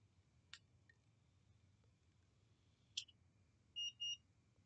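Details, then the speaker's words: Omnipod Dash insulin pod filled with 100 units via its fill port and controlled with AndroidAPS (DIY looping, no PDM): a few faint clicks, then two short high-pitched beeps signalling the pod is activated (needs at least 80 units). "I don't know if you could hear that but the Pod just beeped which means it's activated like I said before you need a minimum of 80 units or you cannot activate the pod"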